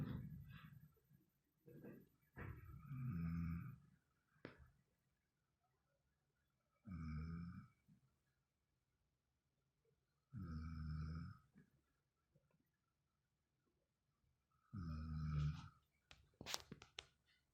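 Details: Slow, deep rumbling snores, roughly every three to four seconds, with long quiet pauses and a faint room hum; snoring.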